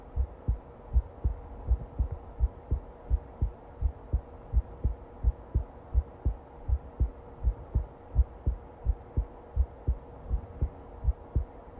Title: Long heartbeat recording